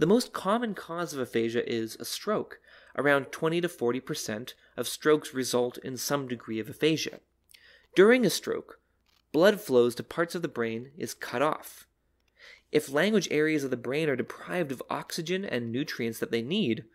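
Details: Adult narrator; no disorder.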